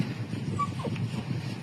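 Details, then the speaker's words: Dog recovered from distemper (hashtag parkinson) and sore in one leg, irritable and often crying at night while sleeping: a brief high, falling whimper over low rumbling background noise. "Pagdating sa gabi ganyan siya. Madalas umiiyak siya sa gabi pag natutulog."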